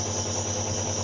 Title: Use nebulizer For children adult cough cold asthma